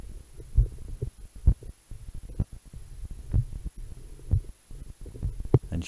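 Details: Normal heart sounds recorded on the chest over the heart with a homemade electronic stethoscope (classic analogue stethoscope with a lavalier mic in the tubing): low thumping beats, about 67 a minute, with steady hum.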